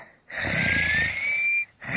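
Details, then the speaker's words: Simulated whistling snore from an animated character sleeping in the street: one long, high, whistling breath with a slowly rising pitch, lasting over a second. "Oh, Blue is snoring like a dude. Well, my snore is louder than that."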